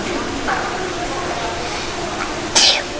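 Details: Young child sneezing repeatedly while trying to say "red": quiet room noise, then a single sharp, hissing sneeze near the end.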